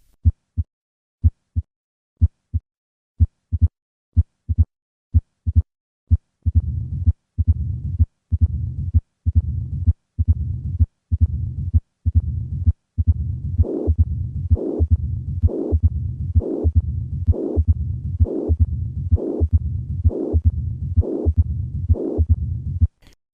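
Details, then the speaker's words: Calcific mitral stenosis with immobile leaflets, the opening snap and loud S1 lost: regular heartbeat near 65 a minute with a persisting low rumbling diastolic murmur. "Both the opening snap and loud first heart sound can be lost due to leaflet immobility, but the murmur remains"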